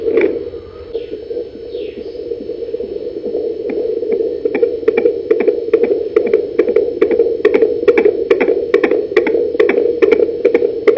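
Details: Fetal heartbeat at 19 weeks of pregnancy heard with a handheld fetal Doppler placed on the lower abdomen with gel: fast, regular whooshing pulses, about 140 per minute.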